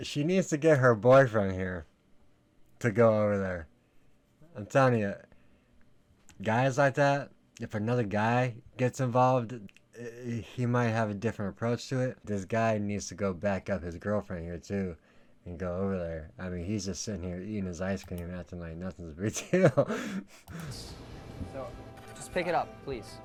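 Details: Adult man; typical speech.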